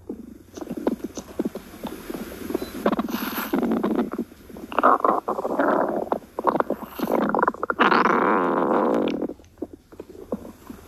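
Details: Stomach growling: repeated loud, drawn-out gurgling and growling rumbles with bubbly pops, ordinary borborygmi.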